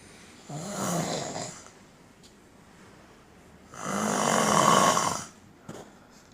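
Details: Man snoring while asleep, filmed at an event (PAL Academy Essilor); two long, loud, rattling snores with quiet pauses between, louder than a phone alarm.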